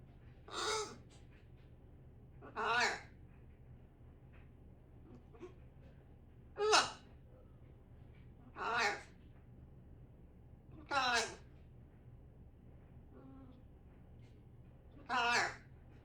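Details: Parrot imitating snoring (fake snores while its owner dozes): six short raspy, gasping bursts about every two seconds, imitated rather than true snoring.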